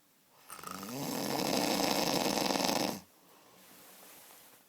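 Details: One long, loud, rattling breath lasting over two seconds, then quiet; heavy snoring.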